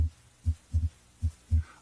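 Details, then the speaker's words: Normal heart sounds heard through the stethoscope diaphragm at the aortic area, right second intercostal space near the sternum; regular rhythm, normal rate 60 to 100 beats per minute. "note the cardiac rate and rhythm normally the rate is 60 to 100 beats per minute and the rhythm is regular"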